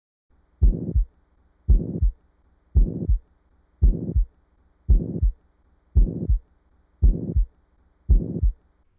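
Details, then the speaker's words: Simulated heart sound of a ventricular septal defect: a harsh, even pansystolic murmur filling each systole at about 56 beats a minute, loud enough to obscure S1 and S2. "It's worth noting that the S1 and S2 heart sounds are difficult to hear in the context of a pansystolic murmur, often because the murmur itself is so loud that it drowns them out."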